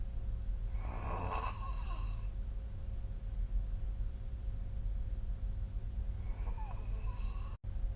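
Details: Two rough, rattling snores about five seconds apart, each lasting over a second, over a steady low room hum, recorded with a smartphone snoring app; ordinary sleep snoring.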